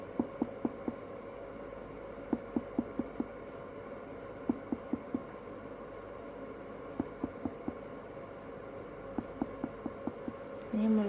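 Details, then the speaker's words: Adult male patient, liver percussion moving upward from below on the right abdomen: sharp finger-percussion taps with a hollow tympanic note changing to dullness at the liver border, before liver span measurement (normal 6–12 cm). "lalu kita perkusi dari bawah kita dengarkan suara berubah dari timpani menjadi Dal"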